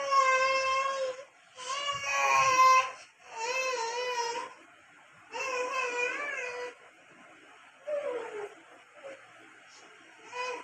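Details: Baby crying while playing: repeated whiny crying bursts with pauses and softer fussing between; an ordinary cry.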